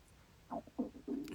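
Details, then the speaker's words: Adult's stomach rumbling (borborygmi) during a guided meditation facial massage: three brief, low, gurgling rumbles in a quiet room as digestion starts to move. "Oh see it's getting stuff moving for me doe my stomach do you hear that um just made noriz digestion starting to move that's great"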